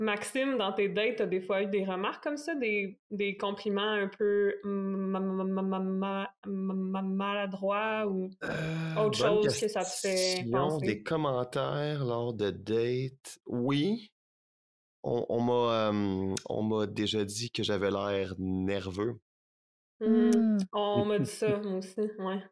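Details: Adult man in his thirties who stutters; stuttering.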